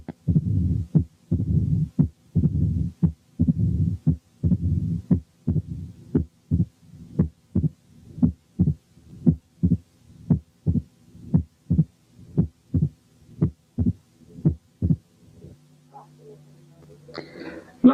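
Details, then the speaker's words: Mitral mid-diastolic murmur at the apex, separated from the second sound: regular heartbeat about 58/min with a low rumble that disappears when the bell is pressed firmly on the skin, leaving S1, S2 and an opening snap. "نسمع كده ولاحظوا ان الميد دايستوليك مامر الاول بتبقى باينه لكن بتختفي اول ما بضغط بالكون على الجلد، وما بسمعش بعد كده غير الفيرست ساوند والسكند ساوند والاوبننج سناب بس."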